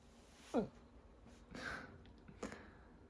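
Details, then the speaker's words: Hiccups in a patient on chemotherapy, attributed to dexamethasone given during treatment the day before and ongoing since early morning: sudden short catches of breath with abrupt gulping sounds in a quiet room. "again but yeah it's not great um I find that the best solution is just to wait it out um usually goes away after a day or two it is really [Music] annoying"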